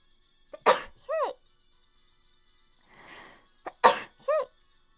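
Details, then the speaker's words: Two sharp sneezes, each with a brief high-pitched voiced sound and a quiet sniff between, from a young Japanese woman with runny, itchy nose she attributes to house dust allergy, during a livestream. "待って、くしゃみ出そう。ね、なんだろう。ねえ、今日配信中にやばくない？配信アレルギーやな。"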